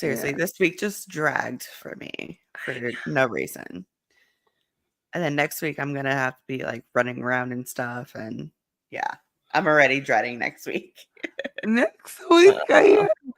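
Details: Adult speaker; typical speech.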